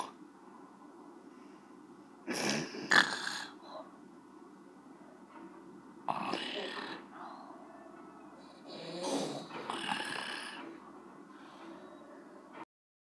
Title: Annoying strawberry snoring